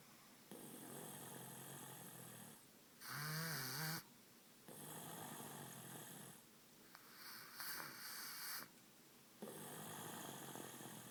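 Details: Repeated rasping snores with whistling, squeaky tones on some breaths and short pauses between; snoring during sleep.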